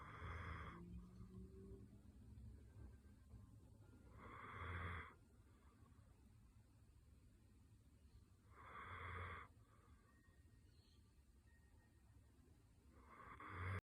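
Slow, regular snoring with soft snorting breaths about every four seconds, roughly 14 a minute, over low background hum.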